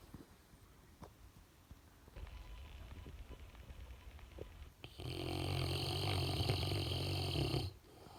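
Quiet room noise, then a loud, low, rattling snore on a breath lasting a few seconds; ordinary snoring.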